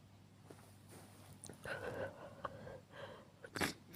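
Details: Single sneeze in a recording labeled for a male audience: quiet room noise, an inhaled build-up, then one sharp sneeze burst near the end.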